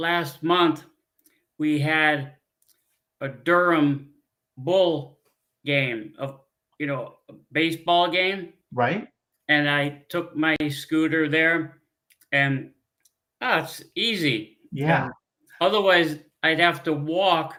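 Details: Adult man with aphasia after a stroke 15 years earlier; he uses a scooter.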